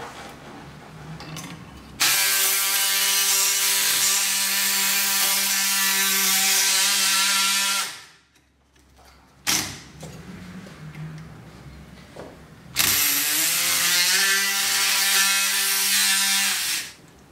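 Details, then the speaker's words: Two long bursts of high rasping buzz with steady whine, separated by quieter pauses, as a powered saw cuts the left humeral head along a pinned guide in a reverse shoulder arthroplasty instrumentation workshop; surgical bone saw. "estos pines van a permitir que nuestra guía de corte se mantenga estable y no rote ahora si procedemos a hacerlo con la sierra"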